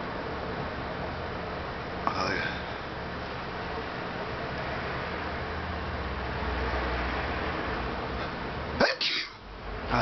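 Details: Steady room hiss with a brief sharp burst near the end, a single adult sneeze deliberately induced by tickling the nose with a plastic fork tip; sneeze.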